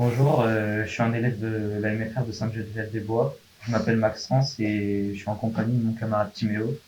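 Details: Young adult male speaker; Typical speech.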